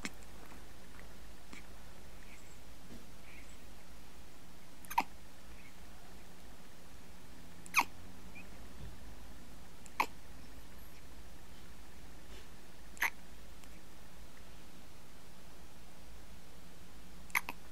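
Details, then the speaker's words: One-week-old baby boy with hiccups: five brief, sharp hiccups spaced a few seconds apart in a quiet room. "here is look the old man's got hiccups been drinking too much haven't you"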